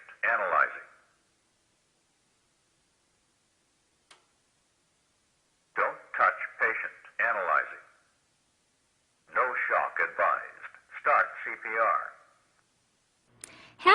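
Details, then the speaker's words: Zoll AED Plus training demo on a simulator set to asystole, a non-shockable rhythm, with pads attached: a recorded voice announces analysis, warns not to touch the patient, then says no shock advised and to start CPR; AED voice prompts. "when i plug it in the AED plus recognizes the presence of a heart rhythm and begins analyzing it"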